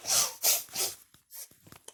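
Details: Involuntary vocal tic from a teenage boy with Tourette syndrome.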